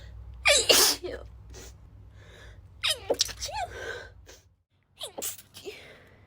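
One full sneeze, then several short, muffled, held-back sneezes with gasping breaths. These are stifled sneezes.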